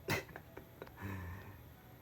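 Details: Baby girl, who gets hiccups about every other day and has had them for a while: a sharp burst, a few brief clicking catches and a short low voiced sound; hiccups.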